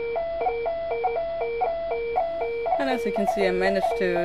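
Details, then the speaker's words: Adult doing a voluntary breath hold after hyperventilation, with premature ventricular contractions on EKG; oxygen saturation drops to 79%, setting off a repeating two-tone desaturation alarm on the pulse oximeter monitor. "desent to 79% which set of the Des set alarm on my monitor"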